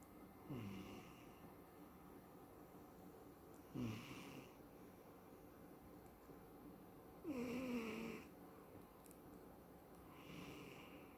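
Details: Old cat, recorded Sept 2020 (died July 2021 at almost 18), dreaming, twitching and snoring in sleep: soft snoring breaths every three to four seconds, about 18 a minute, some squeaky-edged.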